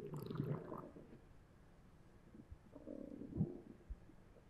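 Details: Adult's abdomen recorded with a Zoom H1n recorder held against the stomach after eating three slices of pizza: low gurgling and churning rumbles; bowel sounds (borborygmi).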